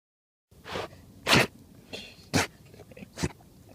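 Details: Dog outdoors at a favourite stop during its usual walk, described as having hunting-dog blood: a short run of quick, sharp sneezes and snorts with faint rustling.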